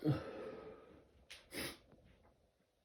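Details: One loud, explosive voiced sneeze fading off, then two short breathy bursts, likely sniffs, from an adult sneezing every 20–30 minutes all day: sneezing.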